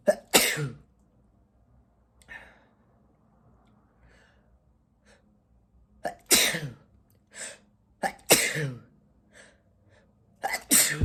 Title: sneezing (M)